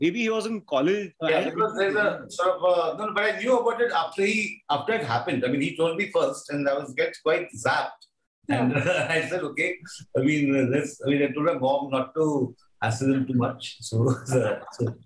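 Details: Adult male filmmaker who says he stammers; his brother also has a stammer; stuttering.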